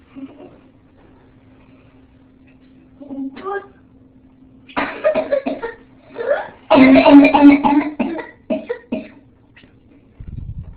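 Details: Pertussis (whooping cough) in an 8-year-old girl: runs of rapid, harsh coughs in quick succession, without a clear whoop, as is typical in older children.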